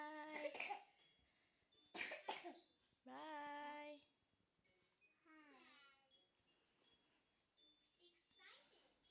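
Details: Two-year-old child (2018) with a persistent cough: two short coughs followed by whimpering, whiny vocal sounds; persistent cough with a cold.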